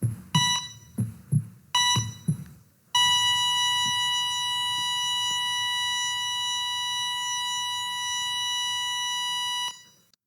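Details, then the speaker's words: Cardiac monitor: several short beeps with low thumps, then one long continuous tone, a flatline alarm signalling no heartbeat. "That right there, that's the soundtrack to my trauma. So that's the sound you hear right before someone flatlines."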